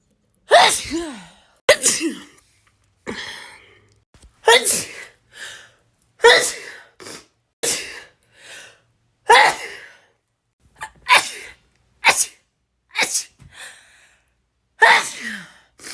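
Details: About a dozen sharp, high sneezes in quick succession from a person in a compilation of rapid sneezes, some with a voiced cry at the start, separated by brief silences; repeated sneezing.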